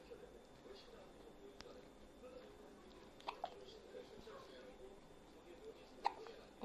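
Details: Hiccups in a 10-day-old newborn baby, who also hiccuped in the womb: soft, abrupt hiccups, about four in under seven seconds, against faint room noise.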